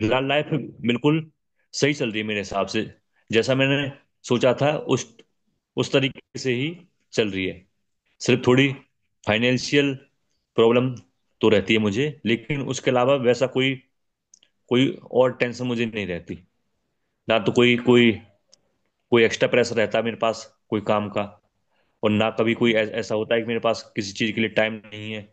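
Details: Adult man who has stammered since childhood and still stammers at times: stuttering.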